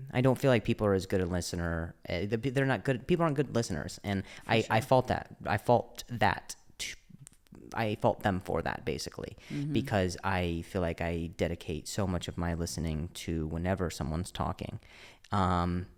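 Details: Stuttering with word and phrase repetitions in an adult male comedian who also mentions an injury he has had, in conversational podcast speech.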